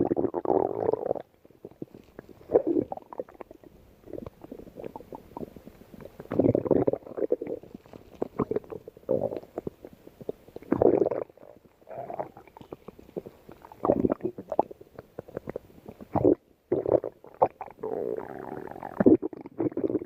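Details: Stomach growling from two people: repeated gurgling, rumbling bowel sounds with short squeaks and pops, separated by brief quiet gaps.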